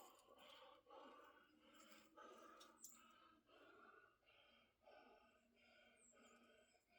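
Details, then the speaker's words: Adult right after a set in a shoulder workout, saying mucus is in the airway or upper lungs: fast, heavy breathing with a faint whistling, musical edge on the breaths; wheezing. "Now you can hear me wheezing. That's cuz the mucus is somewhere in my airway or upper lungs."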